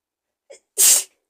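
A brief catching inhale, then one loud, hissing sneeze burst; a single sneeze.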